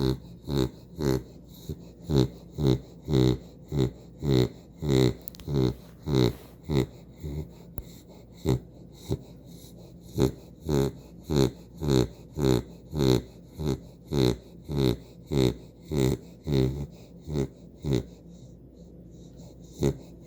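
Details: Female dog snoring during nap time: rapid, regular snorting snores of about 50 breaths a minute, each breath a short noisy rattle.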